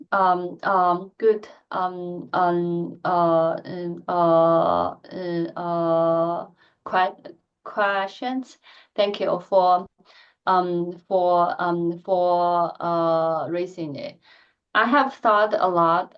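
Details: Adult woman who stutters, speaking during a lecture presentation; she says she stutters more in presentations than in private settings; finding: stuttering.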